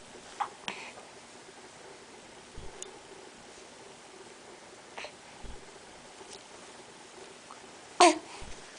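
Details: A baby makes several brief, abrupt hiccups a few seconds apart with faint babbling in a quiet small room: infant hiccups.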